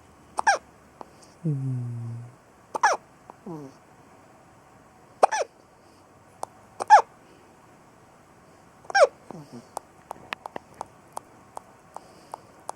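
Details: A son with hiccups: sharp, abrupt hiccup sounds every few seconds, with a brief vocal sound between them.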